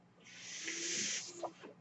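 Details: Mechanical ventilator heard during the user's own speech recording: a soft hiss of air swells and fades over about a second, the ventilator pushing one breath.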